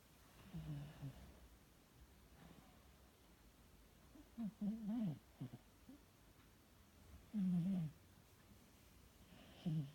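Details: Soft, low, rattling snores from a sleeping cat, about 22 a minute over quiet room noise: snoring.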